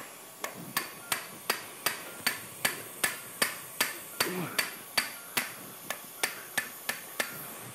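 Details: Sharp metallic taps about 150 a minute as a mallet gently drives a tapered steerable trial template into the posterior L4-5 disc space during TLIF spine fusion surgery on a 50-year-old woman.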